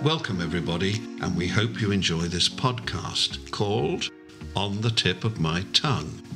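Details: Adult male speaker; Normal fluent speech.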